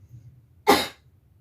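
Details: Acted demonstration of effective cough technique, made as a nursing-student teaching video for a perioperative course: after a quiet pause, one strong, deliberate voluntary cough.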